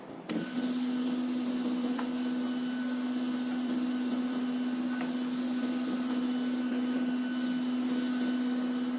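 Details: Philips PageWriter TC20 cardiograph, with 4 limb and 6 chest electrodes, acquiring and printing an ECG in a demonstration: steady mechanical hum and whir of paper feeding and printing, with a faint click or two; normal device operation.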